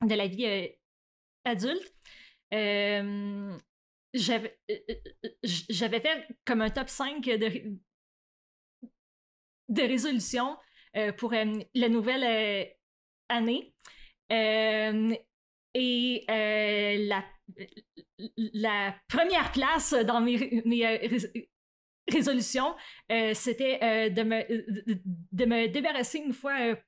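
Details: Real adult French-speaking woman who stutters, with onset around age 7 or 8; stuttering.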